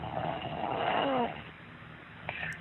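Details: Five-year-old child with severe snoring since the newborn period from a blocked nose, with frequently swollen tonsils and bad breath; one rough, rattling snore through a partly blocked airway in a quiet room; pediatric snoring.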